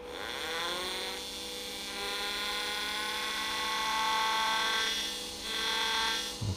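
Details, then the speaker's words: Dental implant drilling for normal bone hardness with tapered drills, 3.5 then final 5.0 drill: steady high-pitched surgical drill whine with slight pitch shifts as it cuts bone. "it's done with the 3.0 and i connect my last drill the 5-0 that's it drilling for normal bone hardness is done"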